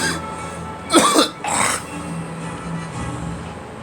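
Two harsh cough bursts in quick succession over background music; a plain cough.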